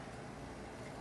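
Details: Portable digital oxygen concentrator, 1–6 litres per minute, running just after being switched on with the rear power button.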